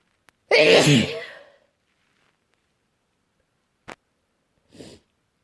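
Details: Desperate, itchy cold sneezes: one loud, forceful sneeze, then a faint click and a short sniff; cold expected to worsen before improving.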